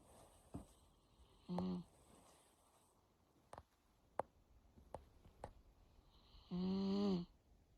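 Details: Male miniature Dachshund in deep sleep: two brief, soft, whining snore sounds with faint snuffles and clicks between them in a quiet room; snoring.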